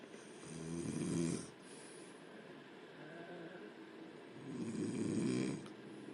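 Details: Woman asleep in pajamas, recorded with the lights on: two loud, low, rattling snores on breathing in, about four seconds apart, with quiet breathing between and steady room hiss.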